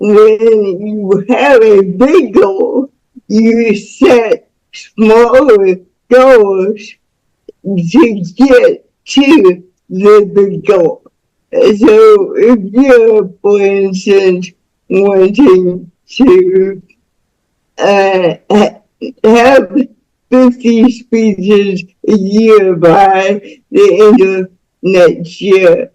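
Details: Dysarthric speech in a woman about to turn 49 with lifelong cerebral palsy involving spasticity, born with the umbilical cord around her neck five times; doctors said she would never walk or talk.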